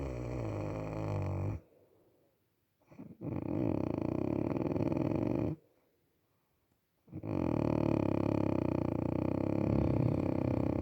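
Loud, rough, rumbling snores on each breath, separated by quiet pauses; ordinary snoring.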